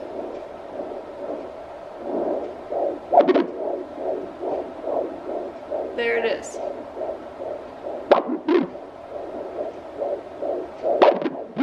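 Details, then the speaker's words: Fast soft rhythmic whooshing pulses with occasional scraping thumps from a home handheld fetal Doppler in the first trimester; probe held still, thumps thought to be fetal movement; fetal heartbeat. "sounds like there's a lot of movement going on because i'm not moving that thing at all it's stuck right there"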